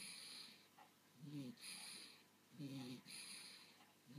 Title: Willow snoring